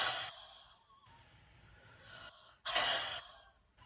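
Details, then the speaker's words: Huff cough airway clearance by a woman with cystic fibrosis, whose lungs she says are clear today with no urge to cough. Two long, breathy forced exhalations through an open throat are heard, with no cough or rattle. "You take a deep breath, and then you just huff it out until you have no more air left to give."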